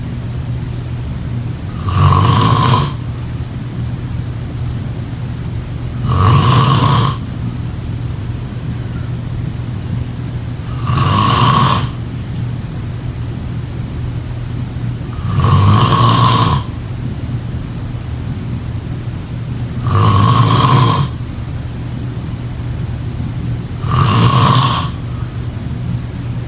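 Loud, rough snores recur about every four seconds, six in all, over a steady low background hum.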